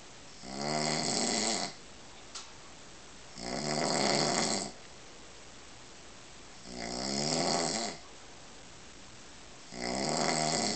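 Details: Adult man snoring: loud, rough rattling snores on each inward breath, about 20 a minute, separated by quiet exhalations; typical heavy snoring.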